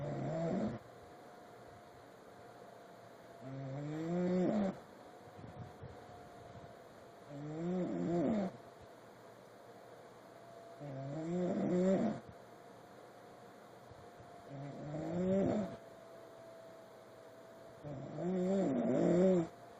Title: Sunday Snore